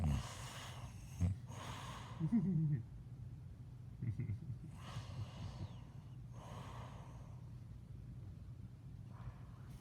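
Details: Snoring during sleep: noisy breaths about every two seconds, with snorts and a gasp at the start, then softer rasping inhales.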